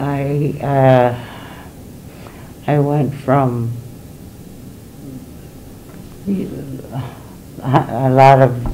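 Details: Aphasia from damage to the brain's language areas in a woman diagnosed in 2019, with hesitant, fragmented speech.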